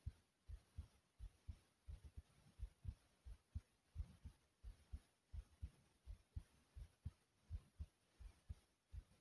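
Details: Own heartbeat recorded after much running in place while breathing hard: fast, strong heartbeat about 86 a minute with some unevenness and breathing noise.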